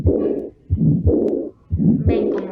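Paired heart sounds at about 60 beats a minute, with a soft blowing murmur after the second sound: aortic regurgitation murmur.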